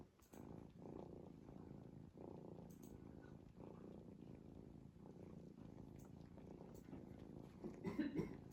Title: 5min cat snoring straight